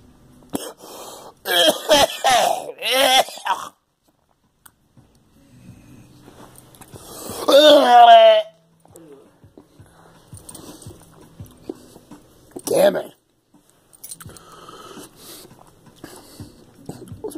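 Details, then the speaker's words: Person with a persistent cough since a flu shot, bringing up clear phlegm and vomiting: repeated harsh, wet coughs with throat clearing, a strained whooping intake and a later single cough; productive cough. "This fucking cough will never go away. Since I had the flu shot, it's been fucking damn it, it came up again. Damn phlegm."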